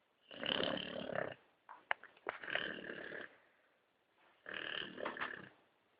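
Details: Old English Bulldog snoring: loud, rattling snores about every two seconds with snorty clicks between them, the noisy snoring of a flat-faced dog.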